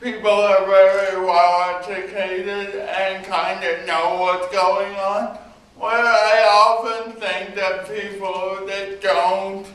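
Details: Man with cerebral palsy answering audience questions during a talk about cerebral palsy: dysarthric speech in cerebral palsy.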